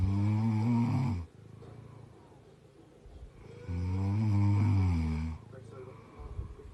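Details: Human snoring that wakes a cat: two loud, deep rumbling snores on inhalation with quiet breathing between them; ordinary snoring.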